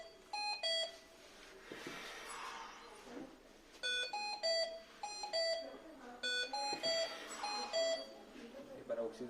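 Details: Repeated high-pitched electronic beep bursts with soft room noise from a Hamilton T1 portable transport ventilator after switch-on: ventilator alarm.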